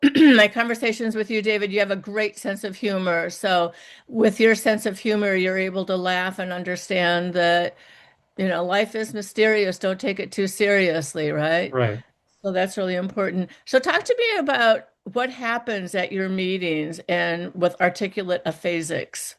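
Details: Adult woman speaking, with brief replies from another person; normal speech.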